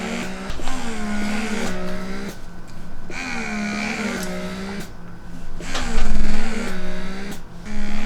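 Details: Paruu P10 wearable electric breast pump (4 modes, 9 suction levels, 28mm flange) running during a pumping session: repeating whirring motor cycles with rising and falling pitch, the pump's working rhythm.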